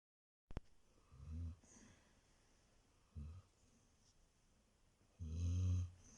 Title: Хаски Джена храпит 😴😆 Husky Jena snores😴🤫